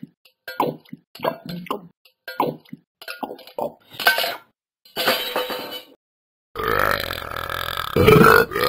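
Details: Repeated burping from a dog named Ben while eating and drinking: a string of short voiced belches, then longer drawn-out belches toward the end.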